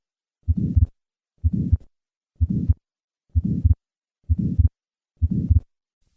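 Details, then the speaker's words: Innocent systolic murmur reflecting normal flow velocity across the aortic valve, peaking early in systole, presented for contrast with the late-peaking murmur of aortic stenosis. "Notice how the innocent murmur peaks early in systole, and compare that to the late peaking of aortic stenosis. First, the innocent murmur,"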